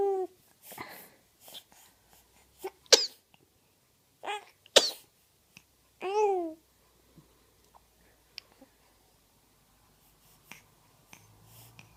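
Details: Baby girl sneezing; several small, sharp infant sneezes with brief breaths and soft squeaky sounds between them in a quiet room.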